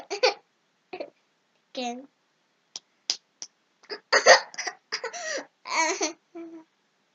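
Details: A young child has intermittent hiccups, short sharp catches of breath mixed with giggles and babble.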